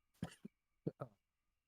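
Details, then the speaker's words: Adult cough: two pairs of short, harsh cough bursts with faint room hum; the speaker says the cough is still following them around. "you can hear it like my cough is still following me around"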